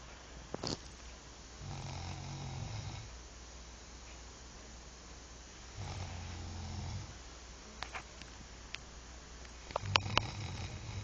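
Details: Man asleep: low rumbling snores on each breath, about three in eleven seconds, with faint room noise; snoring.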